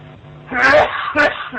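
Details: Cough over a muffled phone line in a staged prank call: two harsh, partly voiced cough bursts from an adult.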